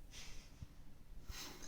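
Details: Female French bulldog resting on a new dog bed: two brief low nasal snorts with soft breathing between them, a flat-faced dog's snorting breath.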